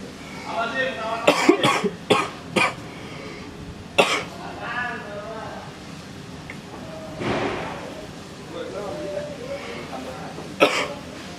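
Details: An adult gives about six short, sharp acted coughs, some in quick pairs, between stretches of speech, in a skit about an itchy throat for 2 days; finding: cough, performed.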